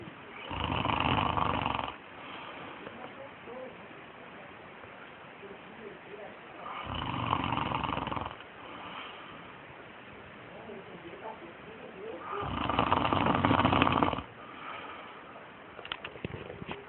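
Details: Father snoring: three loud, rough snores on inhalation about every six seconds, with quiet breathing between.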